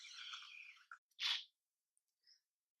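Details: Woman who has been sick for days with a congested nose and hoarse voice: a long airy hiss, then a short, forceful blast of air through the nose: nose blowing.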